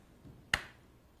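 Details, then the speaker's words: Single sharp click of a transcranial magnetic stimulation pulse on a woman's head during depression treatment, given while finding the strength that produces an involuntary movement; clinician judges the twitch strong and lowers intensity. "here we go Suzanne will give you a pulse you see more yeah"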